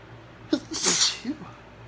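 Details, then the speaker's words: Morning sneezing in a person with mild allergies: a single sharp sneeze with a brief in-breath before it, against steady room noise. "Bless me. Good morning. Phew. I'm gonna sneeze again."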